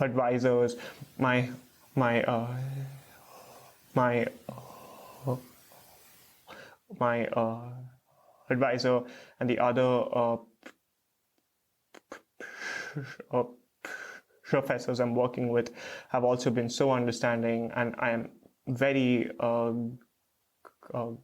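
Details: Adult male PhD student who stutters, with a word repetition heard; stuttering.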